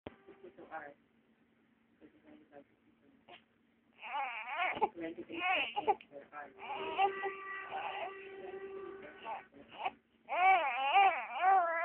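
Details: Three-month-old baby girl fusses, then cries in rising and falling wails with short pauses, in a quiet room; infant crying.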